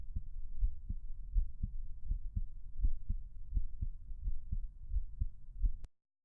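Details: Quiet, regular paired lub-dub beats at about 80 beats a minute, a person's own heart self-recorded at low volume; normal heartbeat.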